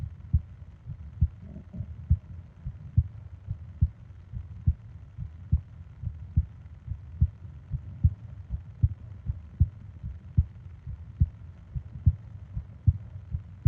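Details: ASMR sleep-aid recording of heart and breathing sounds: steady low thumping heartbeat at about 71 beats per minute with faint breathing underneath; a normal resting heart rhythm.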